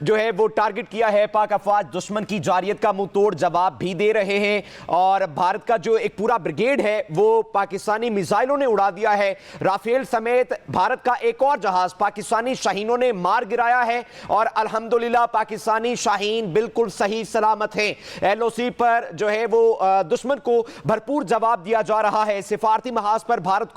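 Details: Adult male news presenter; normal voice.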